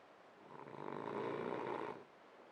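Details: Sleeping French bulldog snoring: a single long, rattling, vibrating snore on the in-breath, with quiet breathing before and after.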